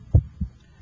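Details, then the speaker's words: Normal first and second heart sounds heard over the PMI with an electronic stethoscope, with the radial pulse felt to time S1, which coincides with the pulse; normal heart sounds. "the first heart sound and the radio pulse occur simultaneously"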